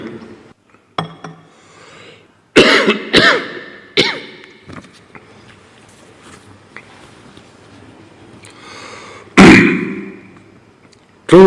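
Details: Repeated sharp cough bursts with throat clearing and spluttering from an adult male during the final minutes of a speech in Shenzhen; he sipped water to clear his throat.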